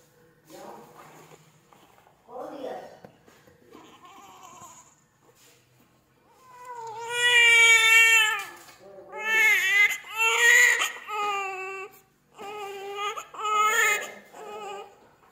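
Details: Newborn baby boy after normal delivery at 39 weeks, weighing 3.3 kg: strong, high-pitched crying in repeated bursts with breaths between, after quieter fussing; a normal vigorous newborn cry.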